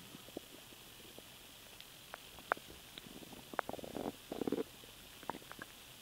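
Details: Stomach rumbling (borborygmi) heard while swallowing air.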